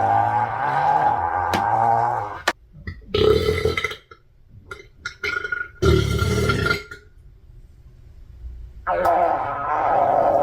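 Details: Girl: long, loud, low rumbling belches with short pauses between them; voluntary burping.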